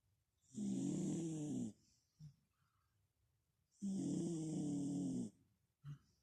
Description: One thing I like about Merlin Sleeping is listening to him snore, it's so cute, usally it is a high pitched snore but this time it was low pitch, he must have a blocked nose.